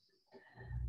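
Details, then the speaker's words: Dog asleep beneath its owner during a restorative yoga meditation class gives a brief, low rumbling snort; ordinary snoring. "drop your head close down your eyes sorry you can probably hear my dog snoring he's right underneath th"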